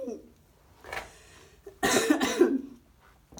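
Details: A faint breath, then two harsh, loud cough bursts in quick succession from a person who says they are sick and cold and have lost their voice: a cough during an illness.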